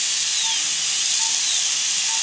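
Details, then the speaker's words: High-speed dental drill with a new green stripe bur cutting tooth for interproximal reduction in a stainless steel crown prep after pulpotomy: steady high-pitched whine with hiss. "Can I get another green stripe burr? Yeah. And I will prep interproximally."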